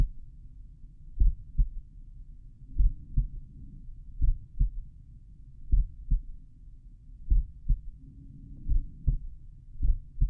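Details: Slowed-playback stethoscope recording at the mitral area of own heart, lying on back: deep paired thuds repeating steadily, with a faint hum between them.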